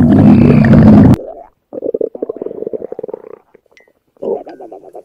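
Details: Female's tummy growling: a loud thump, then a long, bubbly, rattling gurgle in pulses that pauses and resumes; stomach growling.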